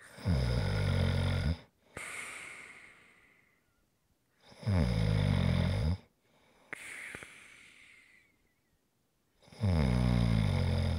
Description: ASMR - Great snoring sounds to rest and relax to.